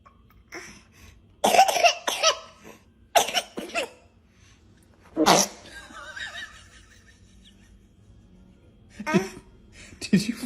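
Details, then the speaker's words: Baby gives several short, sharp coughs in quick bursts with quiet breathing between, alongside a sneeze and a fart; infant cough. "fart too i think you sneezed and you coughed and you farted"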